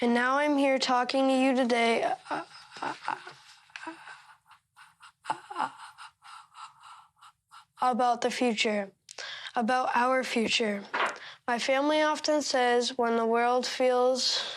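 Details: Stuttering in a 13-year-old boy giving a real public speech, reading from text he marked up to make it easier to say aloud.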